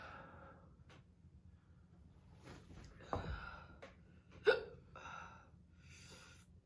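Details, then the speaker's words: Young woman with hiccups during a hot pepper powder challenge, after mouth and throat pain and a coughing fit: a few sharp, abrupt catches of breath with short voiced bursts, irregularly spaced against low room noise. "I think I just have the hiccups now great"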